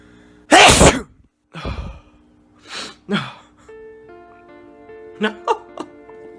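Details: Staged comedy sketch of someone trying to hold in a sneeze in public: one loud, explosive sneeze followed by softer bursts, with piano music in the background; simulated sneezing.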